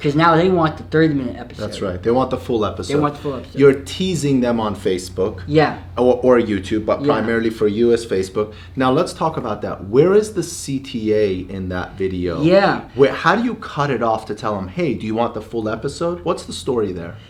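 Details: Adult male interview host; normal speech.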